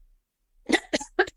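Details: Adult woman with a long-standing chronic cough, which she can often anticipate, gives a quick run of four short, sharp coughs in a quiet room: chronic cough.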